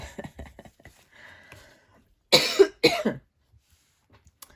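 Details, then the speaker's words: An adult gives two loud, harsh cough bursts after quiet low rustling in a small room during a craft tutorial. "And there's the cough. Sorry about this. You can always turn the sound off."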